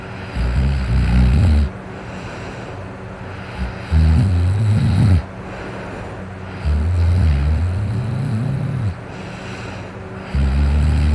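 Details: Person snoring while asleep after drinking alcohol, fan running in background: very loud, low, rumbling snores on long inhalations, about 10 breaths a minute, heard close up; heavy snoring.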